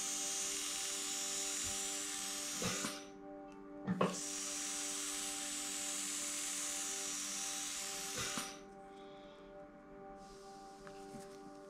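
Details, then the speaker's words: Steady high-pitched motor whine with brief interruptions: M4 Safety endodontic handpiece raised to a faster speed, driving a precurved size 8 manual file in a mesiobuccal canal of an extracted tooth. "On va mettre 5000 tours par seconde. Ça, c'est déjà beaucoup plus rapide."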